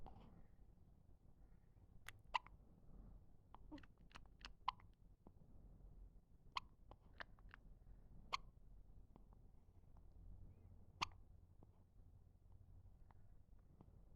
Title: Baby hiccups , one week baby